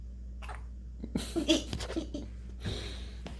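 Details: Sleeping pet hiccuping, hiccups stopping and returning: several soft, abrupt breathy catches at irregular intervals over steady low room hum.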